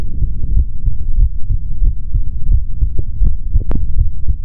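Steady, deep thumping heartbeat through a stethoscope, partly muffled by low rumbling contact noise.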